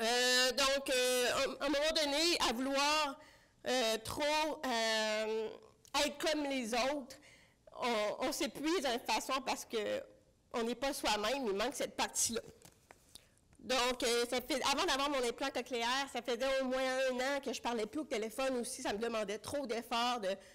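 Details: Deaf speech in French from an adult woman with congenital bilateral severe-to-profound hearing loss; she used a hearing aid for about thirty years, recently finished cochlear implant rehabilitation, and relies on lip reading.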